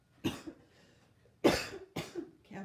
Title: New area rug reveal with coughing